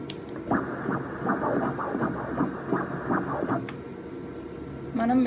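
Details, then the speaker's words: Fetal heartbeat on Doppler in a pregnant patient: rapid, regular whooshing pulses at about 150 beats per minute, within the normal 110–160 range; a healthy baby. "So 150 so that means baby is healthy అంటే మనకు 160 నుంచి 110 నుంచి 160 వరకు అనేది baby heart beat normal అండి"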